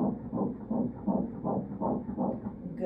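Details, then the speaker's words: Fetal heartbeat on ultrasound at nine weeks of pregnancy: fast, regular whooshing pulses at 161 beats a minute, described as strong. "strong heartbeat 161 is baby's heart rate so that's good"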